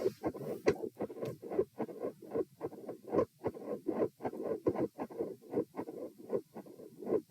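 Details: Heart auscultation at position M during a stress test (sitting, standing, then lying; rates 90, 108, 72 bpm). Regular heartbeat at about 74 a minute with a split S2 and a soft mid-systolic murmur.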